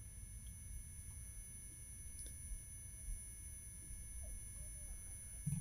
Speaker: Now we start to listen closely for the ringing of the tinnitus. (high pitch ringing) Her head is ringing. Ears are ringing.